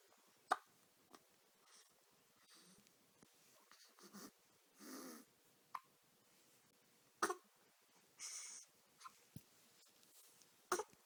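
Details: Hiccups from a person.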